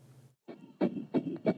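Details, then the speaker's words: Fetal heartbeat at 6 weeks of pregnancy: rapid whooshing Doppler pulses, about 175 beats a minute, played through a loudspeaker. "여러분 들리십니까? 6주차 아기의 심장 소리입니다."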